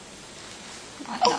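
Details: A single short, sharp hiccup from an infant after a moment of quiet room noise; hiccups.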